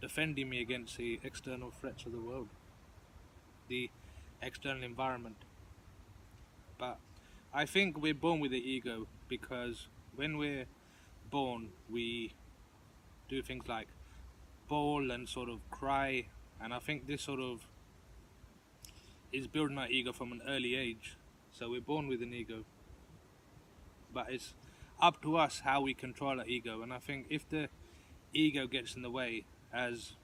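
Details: Adult who stutters, participating in a stuttering support group discussion; stuttering.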